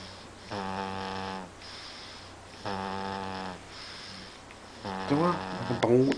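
Loud, buzzing, rhythmic breathing noises, each about a second long with quiet gaps between: snoring.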